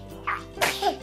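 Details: A young boy sneezes on purpose for fun: a brief inhaled build-up followed by a single sharp, breathy sneeze burst.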